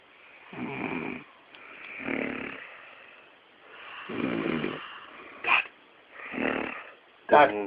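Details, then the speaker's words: Dad snoring during sleep, recorded by family so he can hear himself. Irregular, rumbling snores, several within a few seconds, some with sharp snorting ends: ordinary snoring. "What are you doing? Recording you so you can hear what you snout."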